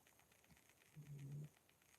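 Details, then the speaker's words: Pet dog (female) snoring softly while asleep, described as a cute little snore. "can you guys hear my dog I hope you can hear her it's like the cutest little snore ever"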